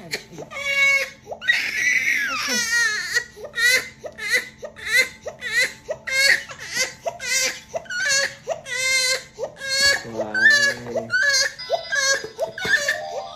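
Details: Baby boy crying after a vaccination injection, afraid and in pain: loud, high-pitched, rhythmic crying with sobbing breaths; infant pain cry.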